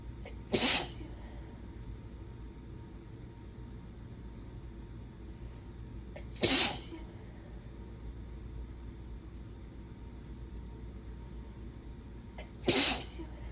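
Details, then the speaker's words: Three forceful sneezes about six seconds apart, each preceded by a quick inhalation, in a person with hay fever (allergies), itchy eyes, no fever, and lost voice. "Like, no, it's definitely allergies. It's just, I don't know. I'm gonna sneeze again. Oh, I can feel it."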